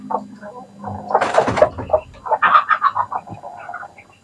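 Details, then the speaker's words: Adult rooster with a respiratory cold (ngorok/pilek) in the rainy, windy season: rough, croaking rattles with each breath, a respiratory rattle (snoring). "dengerin teman-teman kamu Hai suara normal ini bisa terjadi karena saatnya sang musim penghujan dan Anginnya kencang ya Jadi tidak menutup kemungkinan ayam dewasa pun bisa terkena penyakit ngorok ini"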